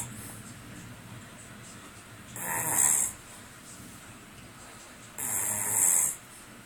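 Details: Man asleep on the job during a weekend away: two loud, hissing snore bursts on each breath, about 20 breaths a minute, with quiet pauses between; snoring.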